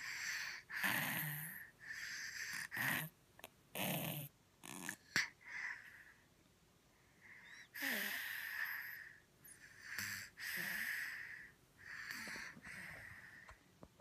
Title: Stuffy nose snoring